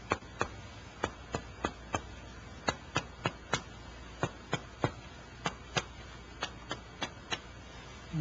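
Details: Chest percussion, resonant to dull.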